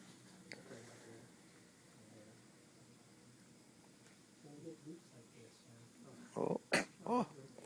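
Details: A single short, sharp sneeze from a newborn boy aged 45 minutes, his first sneeze, after quiet room murmur.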